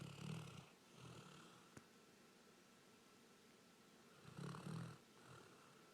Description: My golden retriever kobi snoring after a hard days work